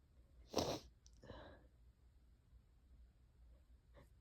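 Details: Allergy-season sneezing with itchy, wet sneezes and a few coughs: one sharp, wet sneeze burst followed by a short breathy sound in a quiet room.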